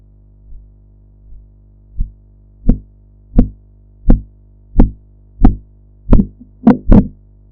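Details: Blood pressure practice recording of Korotkoff sounds heard while the cuff deflates: faint thumps give way to clear, regular tapping at about 86 a minute, growing louder.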